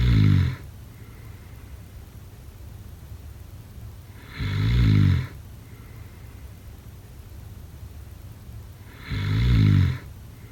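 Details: Snoring during sleep: loud, low rattling snores on each breath in, about 13 a minute, with quiet pauses between.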